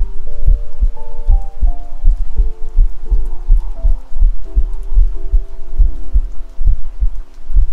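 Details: Own heartbeat recorded with a 3Dio binaural microphone for ASMR: steady, regular low double thumps at about 75 beats a minute over soft background tones; normal heartbeat.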